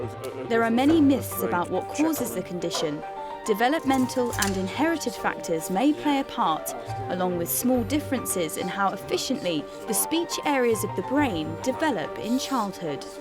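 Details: Adult female narrator; fluent speech.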